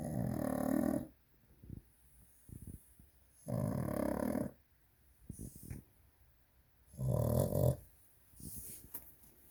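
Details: Sleeping pug snoring loudly: three loud, rattling snores about 19 a minute with soft snuffling sounds between them.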